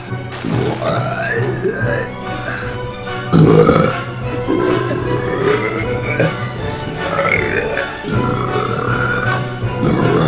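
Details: Compilation of a friend's burping clips recorded over several months: several long, drawn-out, croaking burps in a row over background music; burping.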